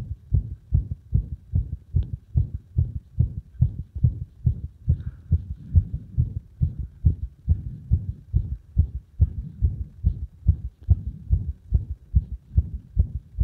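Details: Arrhythmia caused by compression: fast, low thudding heartbeat near 140/min with slightly uneven spacing; an irregular rhythm.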